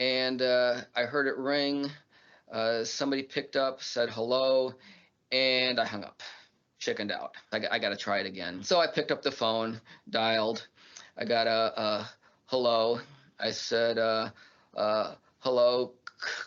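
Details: Adult man who stutters, filmed in a documentary about living with stuttering; stuttering.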